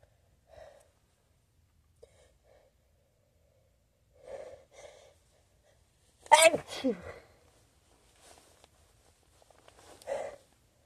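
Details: Staged scenario of a person sneezing into a new feather pillow their nose seems not to agree with: soft breaths and small sounds, then one sharp sneeze into the pillow, then quiet voice sounds.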